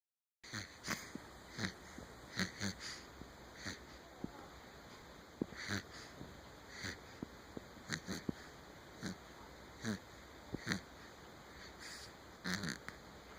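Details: Baby boy snoring while asleep: soft, snuffly snoring breaths about every second, with small clicks and steady background hiss.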